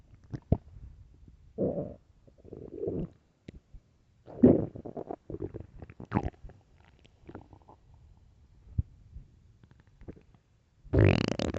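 Loud, irregular gurgling and rumbling bursts from the belly: ordinary hunger growls (borborygmi).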